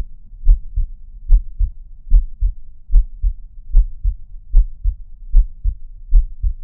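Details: Steady, regular lub-dub heartbeat at about 74 beats a minute, deep and thumping, with no other sounds; heartbeat.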